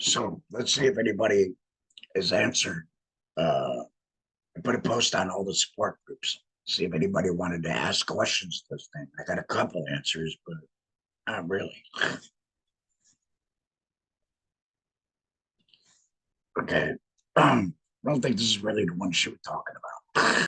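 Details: Man with a laryngectomy who speaks with a voice prosthesis (TEP); tracheoesophageal speech after laryngectomy.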